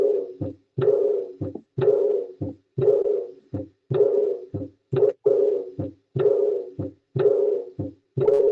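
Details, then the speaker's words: Paired heart sounds at about 60 beats a minute with an altered second sound: an abnormality of the second heart sound (R2), played as a teaching recording. "R2. Sí, del R2. Exacto. Era del R2."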